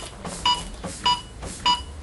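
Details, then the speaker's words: CPR training with an automated defibrillator and practice manikin: regular short electronic metronome beeps at about 100 a minute pace chest compressions, with soft compression sounds, during 2-minute cycles of 30 compressions and 2 breaths. "voà dès qu'on attaque il y a le métronome le bip qui met en route donc on suit il va doucement et petit à petit pour directement bon"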